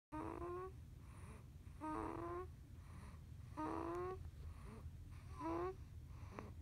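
Four loud, buzzing, voiced snores at about 35 a minute, with quiet breathing between them. Ordinary snoring.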